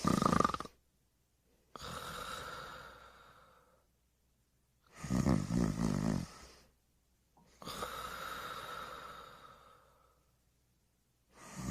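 Slow, regular breaths alternating rasping in-breath snores with softer breathy out-breaths, about six breaths a minute. Cartoon snoring sound effect.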